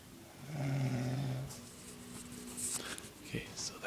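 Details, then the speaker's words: Attila, a man, snoring in his sleep, said to be only at a quarter or half of his usual loudness; a single low, rattling snore followed by quieter room sounds and faint breathing. "attila snoring that's only at like a quarter or half because he can he can really saw the logs sometimes"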